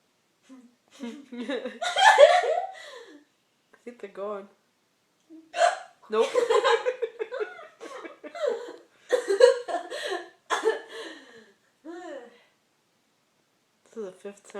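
Short sharp voiced catches breaking into speech and laughter at irregular intervals; hiccups.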